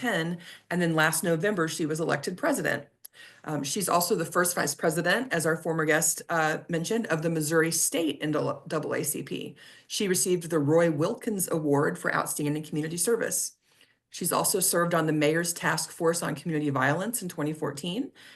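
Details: Adult woman speaking; ordinary speech.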